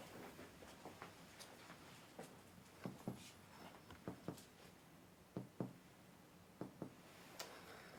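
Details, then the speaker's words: Adult in pulmonary exam demonstration: paired soft percussion taps over the lateral chest wall giving a normal hollow resonant lung note; normal resonant lung percussion. "percussion of the lungs creates a different note on the lungs uh the normal note is a result note"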